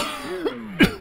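A brief, harsh cough burst, with a smaller catch just before it, over a steady tonal background sound; a single dog cough.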